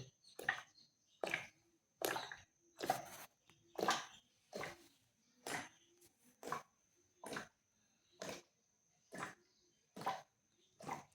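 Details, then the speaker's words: Traditional home remedy for bloating and indigestion: a pot with embers placed on the belly draws in water, making repeated wet gurgling slurps, a little over one per second; suction gurgling. "म्हणजे आवाज येईला गुडगुडू हे बघा मध्ये आवाज येतोय असा बघा बघा पाणी ओढून घेतलंय"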